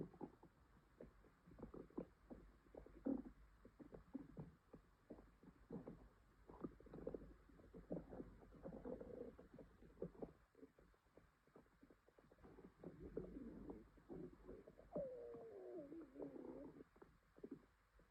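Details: Female upset stomach with stomach ache and possible diarrhea: soft continuous gurgling and rumbling with bubbly pops and a brief squeaky gurgle; borborygmi.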